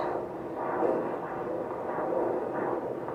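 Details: At a 12-week prenatal appointment, a fetal Doppler picks up soft, rhythmic whooshing swells. This is the slower maternal pulse, not the baby's heartbeat. The mother reports no symptoms or movement.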